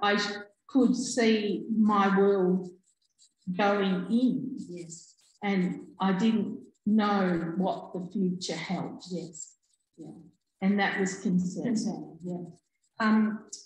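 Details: Adult woman with aphasia after a stroke in August 2020, who could only say "um" at onset; she still has word-finding difficulty and delayed speech output; finding: aphasia after stroke.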